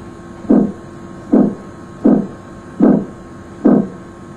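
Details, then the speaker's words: Abdominal auscultation with stethoscope over right renal artery, aorta and left renal artery: regular soft whooshing pulses about 72 per minute, an abdominal bruit. "if the patient has hypertension listen for brewes over the right renal artery aorta and left renal [Music] artery if present a brewery would sound like this"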